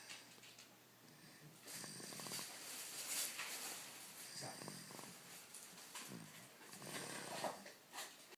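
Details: Several rough, fluttering snores with noisy, airy breaths in an uneven rhythm from a child sleeping in a quiet room: snoring.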